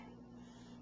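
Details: Child (boy) grinding teeth (bruxism) while being fed yogurt: a brief, quiet rasping scrape of teeth against each other.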